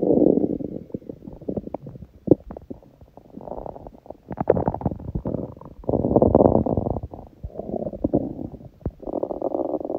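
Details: Hunger stomach sounds from an empty stomach, recording that also includes sneezing: irregular low gurgling and rumbling bursts with brief quiet gaps; normal hunger borborygmi.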